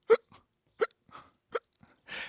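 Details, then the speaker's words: An adult imitates hiccups while acting out English verbs: three sharp, abrupt vocal catches about two-thirds of a second apart, each followed by a soft breath, ending in an exhale. Simulated hiccups. "I also can hiccup when I'm hiccuping. That sounds like this."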